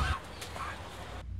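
An acted, harsh, honking cough from an adult man, portraying a smoker's cough.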